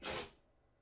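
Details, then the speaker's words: Pet dog (female) sneezing: a single short, breathy burst of air from the nose, a typical dog sneeze. "yeah M's sneezing can you hear can you hear M sneezing oh yeah M come here is M an animal M's my dog"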